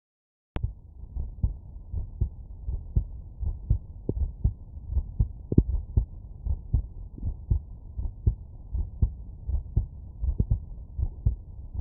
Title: Heartbeat auscultation stethoscope heart sounds normal